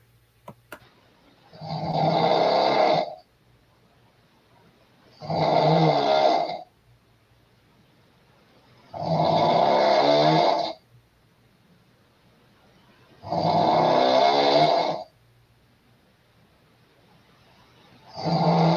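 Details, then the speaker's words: Adult woman snoring in bed: loud, rough, rattling snores on each in-breath, about 15 a minute, with quiet pauses between. "now this woman standing here with the blonde hair she's going to get in the bed and you're going to hear her snoring right about here"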